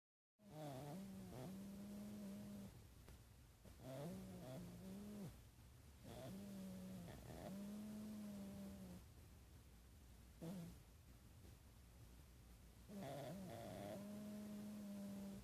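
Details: A sleeping opossum snoring loudly: repeated low, buzzing, tonal snores, each lasting one to two seconds, with brief pauses between; snoring.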